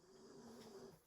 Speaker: Can you hear my dog snoring? Oh my gosh, she's so loud.